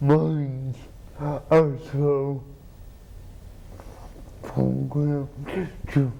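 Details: Adult man with cerebral palsy, treated with an implanted pump injecting medicine into the spine to reduce spasticity; the host repeats his words for viewers; dysarthria (cerebral palsy).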